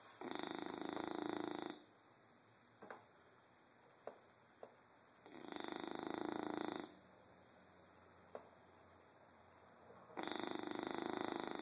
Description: Sleepy Bulldog snoring.